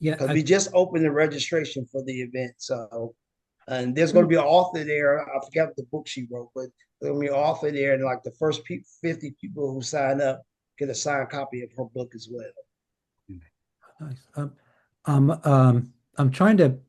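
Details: Aphasia in an adult woman, after a stroke or injury, with word-finding difficulty and paraphasias.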